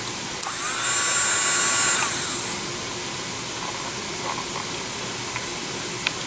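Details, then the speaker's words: High-pitched drill whine rising, holding about a second, then winding down, then light clicks: low-cost dental drill, up to 30,000 RPM with speed dial and on/off foot switch, used instead of a surgical handpiece for lab craniotomies. "it's very smooth very quiet and you can get different bits there's a smaller Burr that is uh more suitable for what we're doing"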